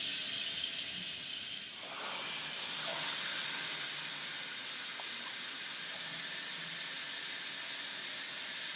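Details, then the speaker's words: Wall-mounted suction unit running: steady airy hiss as the suction pulls the canister liner lid into place while a finger blocks the tubing end or white tap. "place a finger over the end of the tubing or if there's no tubing attached over the end of the white tap and you will see that the lid will use the suction to pull itself into place"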